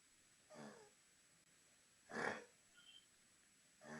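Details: Lower respiratory tract problem, still acute rather than chronic: quiet room with noisy, whistling breaths on breathing out, an expiratory wheeze.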